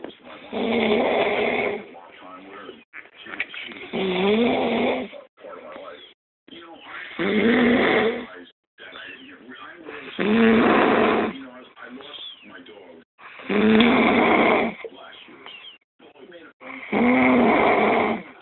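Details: Sleeping adult woman, girlfriend, snoring loudly and undisturbed by nearby talking: loud, rattling, vibrating breaths about eight per minute with quieter rasping between; heavy snoring.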